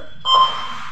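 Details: Bedside cardiac monitor (heart rate, pulse, SpO2, BP) in a nursing demonstration: a single short electronic beep over low room hum; the routine tone of monitoring in use.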